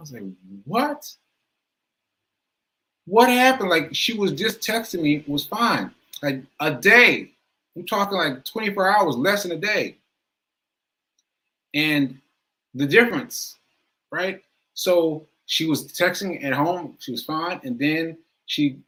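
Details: Stroke survivor with aphasia speaking live, with trouble finding words and getting the right cadence: aphasia.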